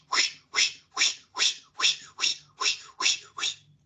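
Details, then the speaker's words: Vocal imitation of a fetal heartbeat on a handheld Doppler placed over the fetal back (located by Leopold maneuvers): rhythmic whooshing pulses at about 146 a minute, a normal fetal rate. "y eso es un doppler que si usted escucha la frecuencia cardíaca fetal como algo así"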